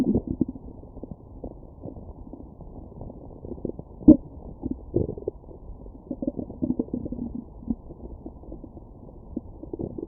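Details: Stomach growling recorded with a Stemoscope shortly after eating a McDonald's meal: irregular gurgles and soft rumbles from the abdomen, normal active postprandial bowel sounds.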